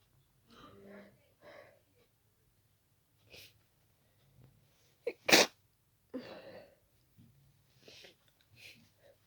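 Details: Several soft sneezes with breathy intakes, then one loud explosive sneeze and smaller ones, in a sudden sneezing attack after an hour of nasal itch and tickle, nose becoming stuffy, cause unknown; bout of sneezing.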